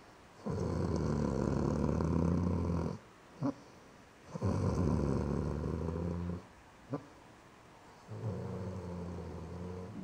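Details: Brandy, passed out asleep, gives three long, low, rattling snores of about two to three seconds each with small snorts between, about 17 breaths a minute; snoring.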